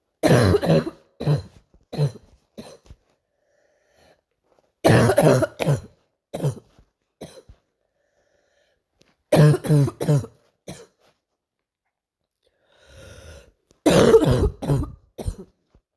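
Repeated bouts of coughing, four runs of three to five deep coughs separated by quiet pauses; a persistent nighttime cough.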